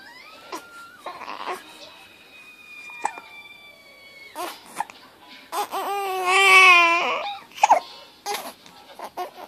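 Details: A 3-week-old infant fussing with hiccups: short whimpering cries that build into a louder wail, with soft background music.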